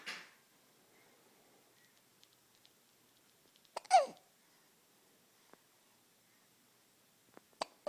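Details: Hiccups in an infant boy: one clear, sharp hiccup with a brief squeaky catch in a quiet room, plus faint clicks.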